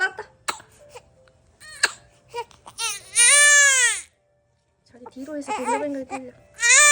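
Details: Infant crying while having its nose cleaned: brief fussing, then a loud rising and falling wail, with soft music and an adult voice in the background.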